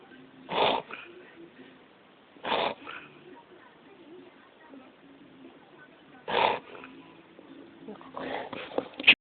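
A dog makes a few loud, harsh snorting bursts seconds apart, typical of a reverse sneezing episode.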